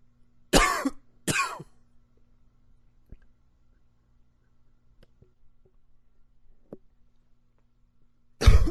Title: Coughing 25